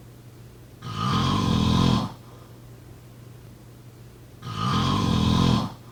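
Two long, loud, buzzing snores about three and a half seconds apart, with quiet pauses between; regular snoring, roughly 17 breaths a minute.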